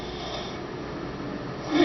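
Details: Snoring: a rough, steady, fluttering breath noise that grows louder into a snort at the end.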